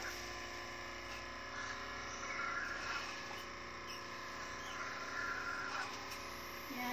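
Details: Suction machine running while a caregiver suctions a patient: a steady motorized hum and whir with faint room noise.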